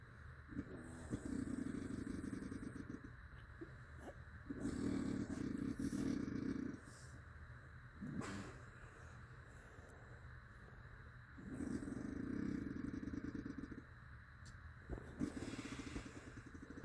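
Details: Loud, rattling, engine-like snores likened to a dirt bike, in long bursts, about three in seventeen seconds, with quieter breathing between; heavy snoring.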